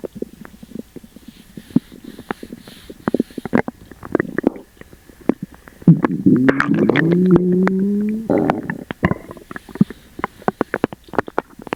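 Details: Upset stomach after eating sugar-free gummies: scattered pops and gurgles, then a long, squealing, rising gurgle midway and more crackling bubbles; loud stomach rumbling (borborygmi).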